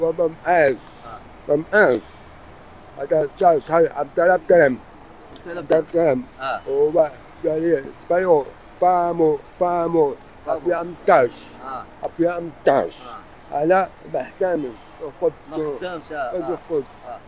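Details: Real adult man described as deaf and mute, communicating partly with sign language; deaf speech.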